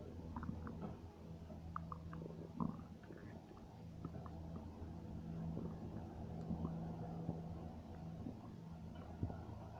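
Quiet, low rumbling with soft intermittent gurgles and pops, ordinary stomach noises, over a steady low hum.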